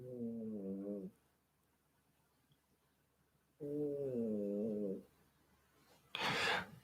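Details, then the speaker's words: A sleeping female cat lying under a radiator snores with two tonal, buzzing breath sounds a few seconds apart, then a brief rustle. "Nah, it's my cat. Snoring. She's under the radiator having a proper snore."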